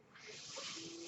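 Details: Steady, rising airy hiss through tubing, about a second long, a ventilator delivering a breath during a podcast introduction; the speaker says the noise is from his ventilator; real recording.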